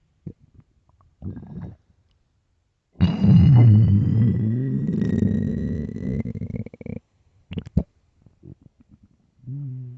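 Loud, long low gurgling rumble with shorter grumbles around it: stomach growling from an empty stomach.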